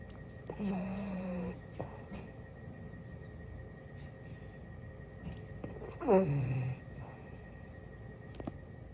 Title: SNORING FRENCH BULLDOG